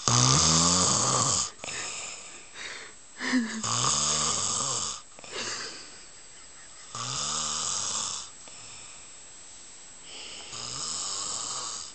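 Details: Man napping motionless on a couch, heavy snoring: loud rattling snores on breathing in, roughly one every four seconds, with quieter breaths out between.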